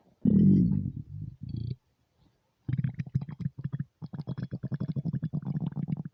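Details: Empty stomach rumbling recorded without an external microphone: a long low growl, then a rapid run of bubbling gurgles; hunger borborygmi.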